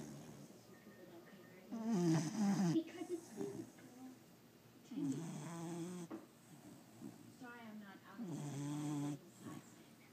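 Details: Sleeping pit bull dog: snoring.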